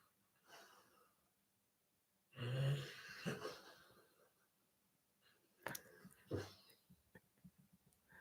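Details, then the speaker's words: Sleeping male dog snoring, possibly dreaming, in the background of a talking video: rough, rumbling snoring breaths with a couple of louder snorts and soft snuffles in a quiet room. "sorry anyway if you heard this weird sound it's not me it's my dog snoring"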